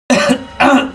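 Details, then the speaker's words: Acted cough in a comedy skit by an adult man, a smoker told to cut down on cigarettes: two short, voiced, throaty cough bursts, close to throat clearing. "Ambean sampeyan iku lek rokokan ojo ngebesah mas dikurangi rokoke lek ngenei kan malih watuk maneh"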